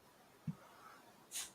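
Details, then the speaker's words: A single brief, sharp hissing sneeze from a dog in the background. "I can hear the dog. Hey, he's sneezing like crazy back there."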